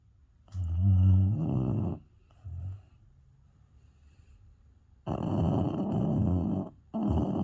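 Loud rumbling snores from a sleeping dog, each lasting over a second, with quiet pauses between them.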